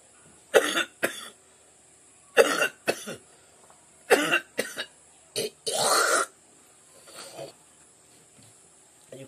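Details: Adult ill for three days with suspected Covid-19 or dengue, with hoarse voice, headache and body aches: about seven harsh coughs in quick pairs, then a rattling throat-clear and softer coughs; a productive cough.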